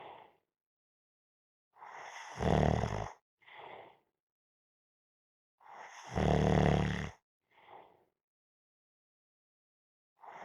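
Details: Snoring while napping: loud rattling snores, each followed by a softer breath, about every four seconds, roughly fourteen to fifteen breaths a minute; ordinary sleep snoring.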